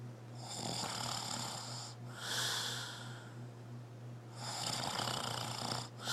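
Rough, rattling snores with a hissing edge on each breath, over a steady low electrical hum; snoring.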